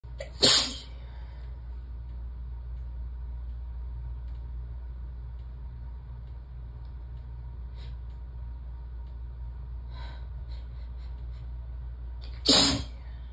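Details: Relaxed sneezing fit while warm and sleepy in a bathtub: two sharp, forceful sneezes about twelve seconds apart over a steady low hum, with faint small sounds between.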